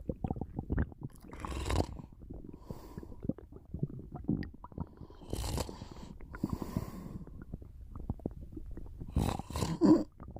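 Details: Person napping: low gurgling and rumbling bowel sounds (stomach rumbling) with soft snoring breaths in the background.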